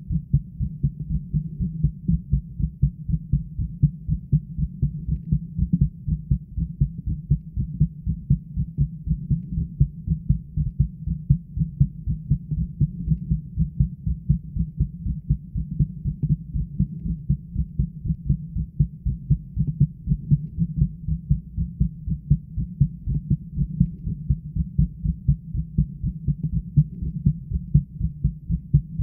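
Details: The recorder's own adult heartbeat ("My heartbeat 41") in the chest: steady, regular low thumping. Continuous pressure on the heart made the upper body sway after a while.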